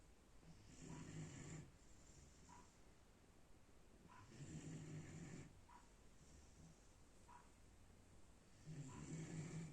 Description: A cute german Shepherd puppy snoring heavily at late night.